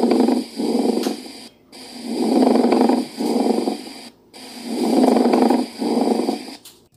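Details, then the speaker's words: Sample pleural friction rub audio: coarse, creaking, grating sounds on both inspiration and expiration, heard over the lateral or basal lung, from inflamed pleural surfaces. "it can be heard on both expiratory and inspiratory on the lateral or basal"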